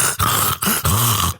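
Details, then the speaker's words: Human imitation of a dog's reverse sneeze: three rapid snorting inhaled bursts, like a pig snorting, demonstrated to contrast with a dog's cough or dry heaving; reverse sneeze (imitation). "what is that that's a reverse sneeze that's a reverse sneeze it sounds like a pig snorting yes uh it's it's a reverse sneeze"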